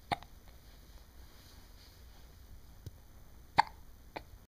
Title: Serious Hiccups